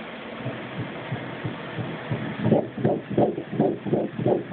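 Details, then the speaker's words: Faint, fast rhythmic pulsing over machine hiss, becoming clearer midway, at about 180 beats per minute; fetal heartbeat on an 11-week ultrasound of an IVF twin pregnancy, one twin measuring smaller. "i think the balloon was always the hardest to try to find the heartbeat did i see it you can actually see it beating something right now that's what that is"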